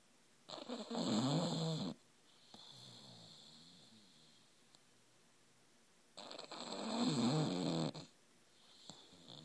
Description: A snoring bulldog